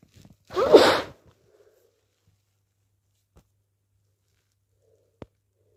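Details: Possible hay fever (itchy) sneezing: one forceful, wet sneeze after a brief catch of breath, followed by quiet; a single sneeze.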